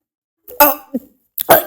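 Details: Coughing from someone who says they are a little sick, amid voice-acting for a comic dub.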